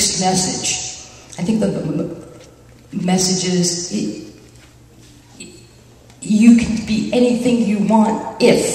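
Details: Genuine stuttering in a speaker at a live stuttering-association conference session, July 2009.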